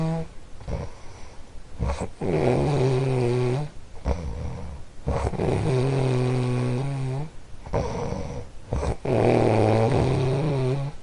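Loud, rattling, low-pitched snores on each breath in, about every three to four seconds, with quieter breaths out between them.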